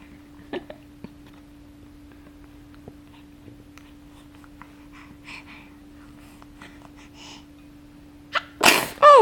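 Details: A 12-week-old baby in a quiet room with faint sounds gives a sudden sharp sneeze near the end, followed by a brief vocal sound; sneezing.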